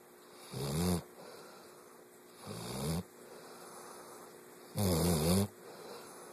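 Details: Three low, rattling snores on inhalation, each about half a second to a second, with quiet pauses between; sleep snoring.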